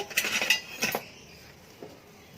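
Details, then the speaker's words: Metal instrument tray lowered slowly into a pot of boiling water for high-level disinfection of instruments in an infection-prevention demonstration; metallic clinks and clatter. "kita masukkan bak instrumen. Awas hati-hati karena ini airnya airnya panas, jadi kita masukkan pelan-pelan."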